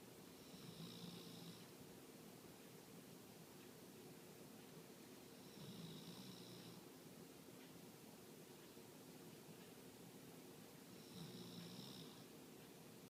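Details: Three faint, rough snores about five seconds apart over steady room hiss; snoring during sleep.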